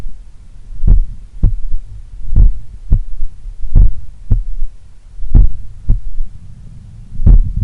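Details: Third heart sound (S3) recorded at the apex, morning, lying on the left: slow strong beats near 41 a minute with a soft extra low thud after S2; attributed to blood recoil or a slightly larger, supple left ventricle.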